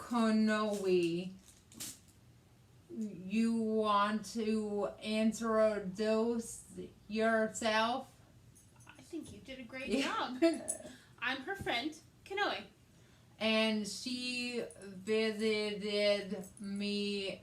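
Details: Adult woman, stroke survivor with aphasia from a hemorrhagic stroke on May 19th 2020 that needed brain surgery and ICU care and left right-side hemiparesis; aphasia also affects her reading and writing; she asks an interview question; aphasia.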